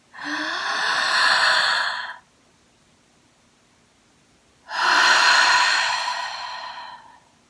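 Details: Two long, deep, noisy breaths separated by a silent hold of about 2.5 seconds, from an adult on about day 20 of COVID-19 symptoms with fever near 102°F, reporting chest pain afterward; deep breathing exercise with breath hold.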